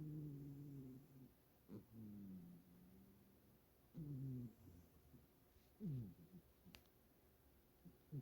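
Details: Siberian cat, not overweight or sick, snoring loudly while sleeping soundly in this position: low, droning, slightly tonal sounds with each breath, about 15 a minute; ordinary snoring.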